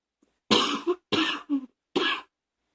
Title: # 64 coughing, allergies, singing lungs